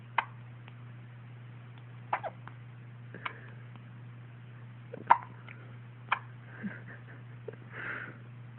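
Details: Twins hiccuping: brief sharp gulping catches, about six in nine seconds, over a steady low room hum; hiccups.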